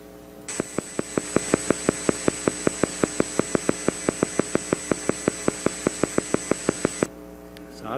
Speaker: but now you have to just listen and say this is the sound of 6 Hertz